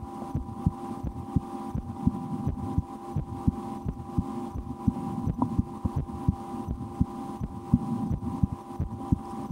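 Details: Own heartbeat through a stethoscope in an ASMR recording, with breath-holding and a game to speed the rate, and loud digestion after lunch; steady beats about 86/min with a low hum behind; normal heart sounds.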